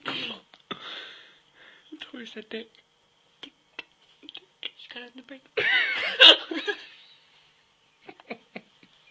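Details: Hiccups: brief, sharp, irregular vocal catches interrupting breathing and voice.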